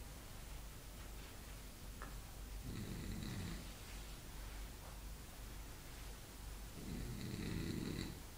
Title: Snoring Beauty 2!!!!!!!!!!!!!